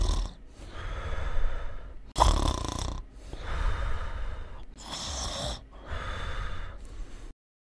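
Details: Snoring.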